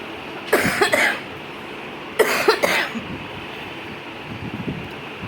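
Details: Woman admitted to hospital with pneumonia, chest infection and heavy cough, on an IV drip and unable to sleep: two bouts of harsh, wet-sounding coughing, several coughs each, over steady background hiss.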